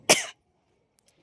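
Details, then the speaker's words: Single harsh throat-clearing cough from an adult whose throat has gone hoarse and voice rough in cold morning weather; irritated, sore throat; cough with throat clearing. "माझा आता घसा बसलाय त्यामुळे माझा जरा आवाज नाही का असा बिगड बिघडला"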